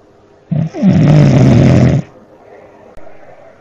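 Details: Man who fell asleep during a voice chat, snoring really loudly: a single long, loud, rattling snore on an in-breath, heard through the voice-chat line.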